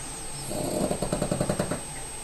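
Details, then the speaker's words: A short, rattling, fluttering snore, heard as a quick run of low pulses; snoring. "Can you hear that snoring? It's terrible."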